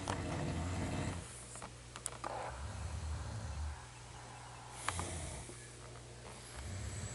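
Low, rumbling noisy breaths repeat irregularly through the night-time room noise, consistent with snoring.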